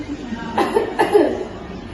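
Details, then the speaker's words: Adult female patient coached by a nurse: deep inhale, breath hold, then two short, forceful cough bursts; deliberate controlled effective cough to bring up sputum. "yang ketiga itu tarik napas tahan selama detik lalu keluarkan keluarkan ya"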